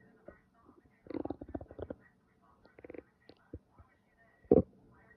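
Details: Ordinary stomach growling: quiet, scattered abdominal gurgles and short rumbling bursts, ending in one louder gurgle; bowel sounds (borborygmi).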